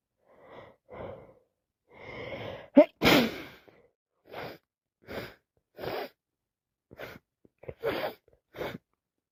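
A run of short breathy bursts and catches, including one loud sneeze, with repeated sniffs and gasps; repeated sneezing with a head cold.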